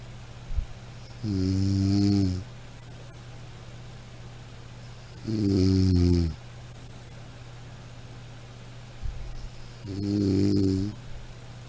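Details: Snoring from a sound-effect recording: three loud, low rumbling snores on the in-breath, about 14 per minute, with quiet pauses between.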